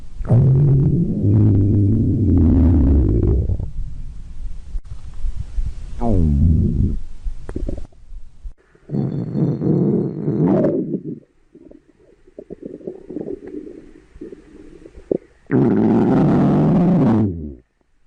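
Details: Loud, low rumbling and gurgling bursts from a person's belly: normal stomach growling (borborygmi).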